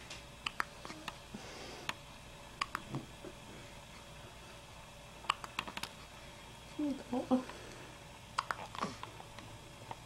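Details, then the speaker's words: Hiccups in a swaddled four-day-old newborn girl: a few brief, sharp hiccups spaced several seconds apart with soft fussing in a quiet room. "still day 4 with the hiccups."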